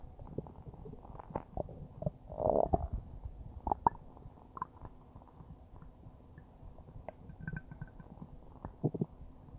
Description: I made this video about a minute after finishing a huge bowl of spaghetti, it tasted pretty good and it made some pretty nice noises as it churned around in my stomach, it's still making small gentle gurgles